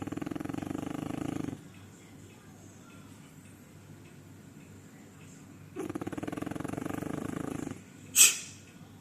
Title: 两只法斗睡觉打鼾 。Two French bulldogs sleeping and snoring.